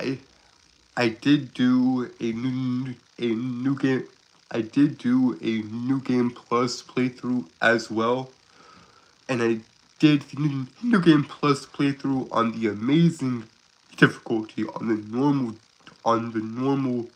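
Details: 22-year-old Southern man who describes himself as a stutterer with a speech impediment, currently sick: stuttering.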